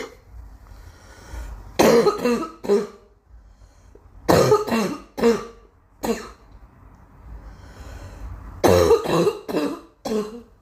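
Three bursts of coughing, each with two to four quick coughs, about twelve coughs in all, with quiet breathing in between.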